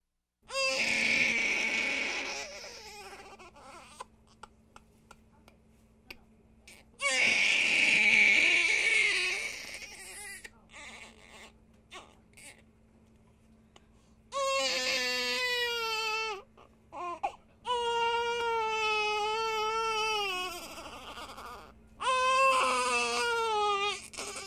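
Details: Infant crying sound effect: loud bursts, some harsh and screaming, others high-pitched and wailing, separated by quiet gaps.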